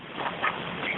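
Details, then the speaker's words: 911 emergency call from a male caller who cannot talk, with a severe allergy registered to the number: coughing heard over the phone line. "hello he's he's coughing yeah I hear it sir do you need help"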